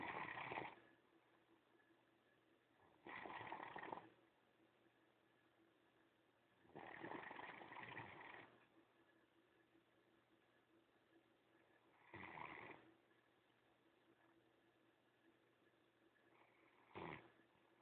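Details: Adopted female Great Dane, former breeder dog, sleeping: slow rasping breaths every three to five seconds, roughly fifteen a minute, over a quiet steady hum; snoring.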